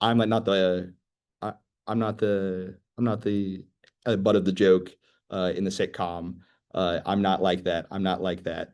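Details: 25-year-old, real person who stutters; stuttering.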